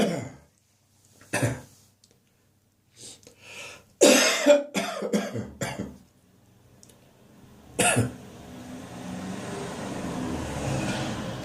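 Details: Adult's recurring morning catarrh cough with history of chest infections: loose, phlegmy productive coughs and throat clearing.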